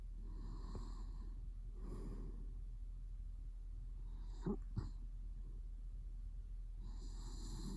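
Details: Sleeping adult male during REM sleep, with a mouth twitch, who later wakes himself up: soft, rough snoring breaths about every 1.5 seconds with two sharp snorts midway, over a low hum.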